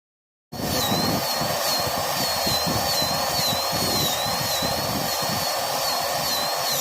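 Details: Steady high-pitched whine with slightly wavering pitch over a low rumble: a dental handpiece running during zirconia crown work.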